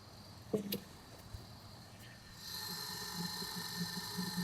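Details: Clicks, then a steady dry whirring hum as an X-ray tube's rotating anode spins up under current, on a tube whose glass is broken; a dry sound means the anode turns properly, whereas a watery swishing would indicate a cracked insert with oil inside.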